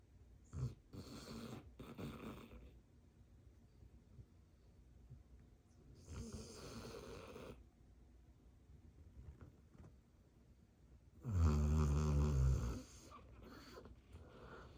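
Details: Dabs, a dog in deep sleep, snoring: deep, rumbling inspiratory snores with quiet breathing between and one loud rattling snore near the end.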